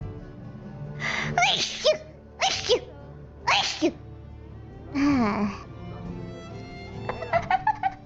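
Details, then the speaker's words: Tired female streamer sneezing repeatedly: a run of five quick sneezes with short catches of breath between, then faint music. She says she keeps sneezing many times in a row. "how many sneezes have I sneeze today cuz I I keep sneezing like a bunch of times in a row is anyone even counting"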